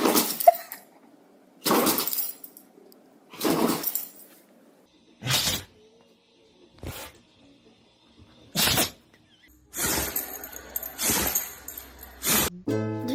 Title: Dog sneezing competition 🤣 #dogshorts #sneezing #pets #cutenessoverload #